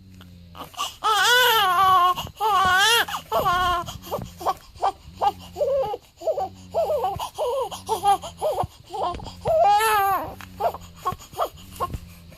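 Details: A one-week-old (day 7) newborn boy cries in repeated rising-and-falling wails broken by short gasping pauses, over a faint steady room hum; ordinary infant cry, recorded on weigh-in day.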